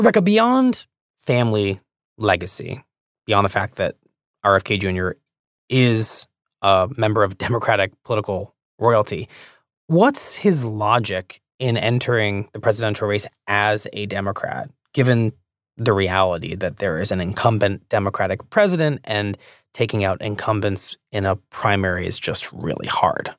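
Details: Adult man speaking; normal speech.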